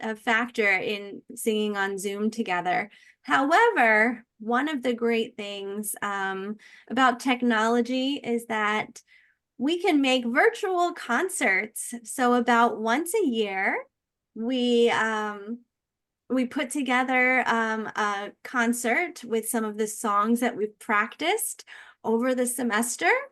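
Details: Adult woman speaking; typical speech.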